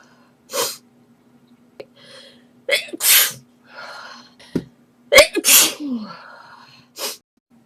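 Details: A rapid run of about five sharp sneezes with gasping breaths between them from a girl answering the phone, possibly allergy-related; a sneezing fit.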